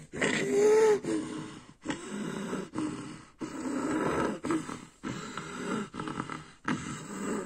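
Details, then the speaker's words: Repeated strained groans and grunts broken by brief gasping pauses during a seizure in a girl on bedtime clonazepam, as a caregiver soothes her ("it's okay, sweetie") at bedtime; seizure vocalizations. "and here is that seizure that raylan had sweet girl it's okay it's okay it's okay sweetie okay"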